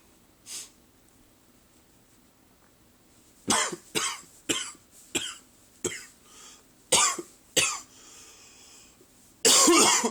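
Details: Adult's first-thing-in-the-morning cough: a run of about seven short, dry, loose, irregular coughs.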